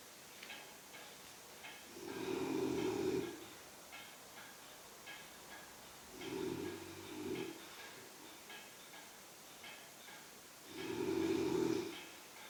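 Three loud, rasping snores, about one every four to five seconds, with quiet breathing between them; heavy snoring.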